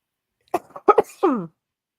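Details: Sneeze from an adult who says she is coughing and sneezing a lot while ill with the flu, recorded during a live stream: short sharp bursts of breath followed by a brief falling voiced sound.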